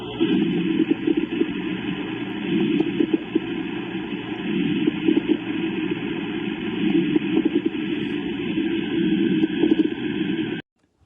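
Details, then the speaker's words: Coarse crackles demonstrated in a respiratory sounds lesson: continuous rough, bubbling, low-pitched popping lung noise, louder and wetter than fine crackles, may change with coughing; indicates secretions in medium or large bronchi. "Y la clave para diferenciarlos es que son más fuertes, más húmedos que los finos y si pueden modificarse al tocer."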